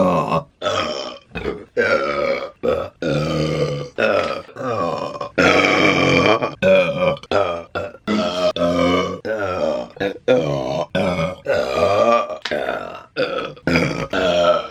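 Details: Woman burping repeatedly while eating food in mukbang videos: a long run of loud, drawn-out voiced burps with brief pauses; repeated belching.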